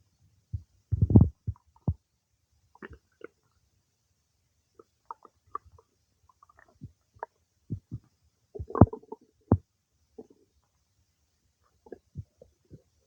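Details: Scattered gurgles, squeaks and short rumbles with quiet gaps, ordinary stomach bowel sounds of digestion some time after eating cake.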